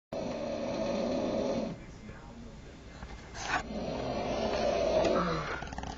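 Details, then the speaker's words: Man with a severe snoring problem recorded asleep: loud rattling snore on a long in-breath, a quieter pause, then a second rough snore, room noise behind; sounds like fighting for air. "I'm recording you snoring."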